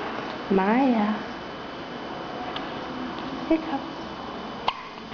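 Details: A 2.5-day-old newborn girl gives two short, sharp, quiet catches about a second apart in a quiet room, after a brief adult vocal sound: infant hiccups.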